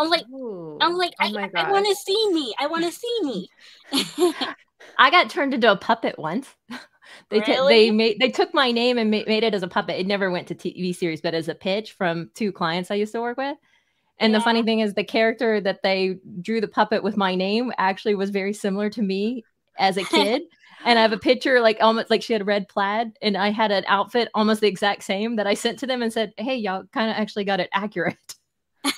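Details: Adult woman speaking; speech.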